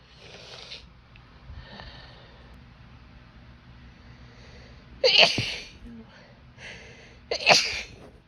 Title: Cold Sneezes with Noseblows (F)